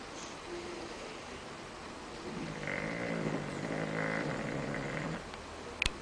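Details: A bulldog snoring in the living room gives a long, rough, rattling snore on a drawn breath, then a quieter stretch and a brief click; typical flat-faced dog snoring.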